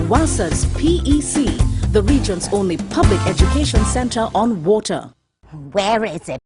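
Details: Adult announcer; typical speech.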